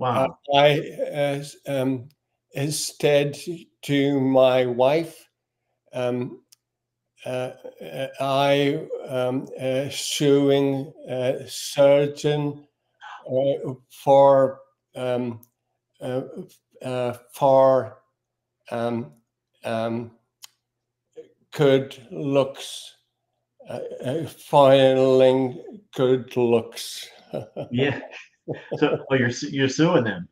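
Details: Man with aphasia reports he no longer gets frustrated when words don't come out; aphasia.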